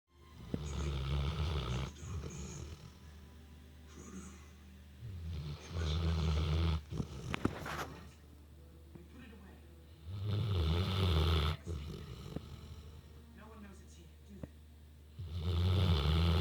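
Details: Female Newfoundland dog fallen sound asleep while being groomed and brushed, loud snoring: deep, rumbling snores on each breath, about four in 16 seconds, softer breathing between, as loud as a human.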